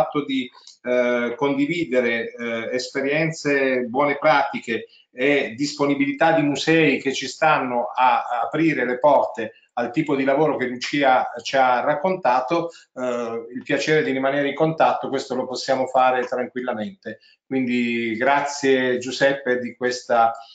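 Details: Adult male speaker; normal speech.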